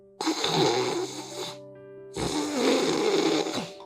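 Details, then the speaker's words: Sleep specialist imitates the mild tongue-retraction snoring type, tongue slightly pushed back, two harsh rattling imitated snores over soft music: snoring from mild tongue retraction. "아 이거는 혀가 좀 뒤로 밀렸다."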